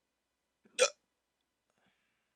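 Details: Hiccups in a person with sleep apnea, after waking from sleep with a CPAP mask, in a rare attack lasting about 14 minutes.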